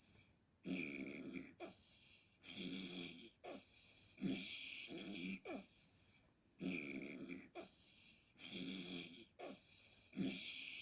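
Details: Heavy snoring during sleep: loud, rough, rattling snores with almost every breath, in and out, with only short pauses.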